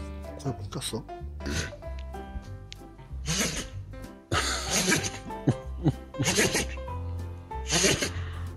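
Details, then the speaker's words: A rescued pet dog gives several short, sharp sneezes over steady background music while the owner asks why it is sneezing: sneezing. "왜 재치기 해? 어? 뭉치기 왜 재치기 해?"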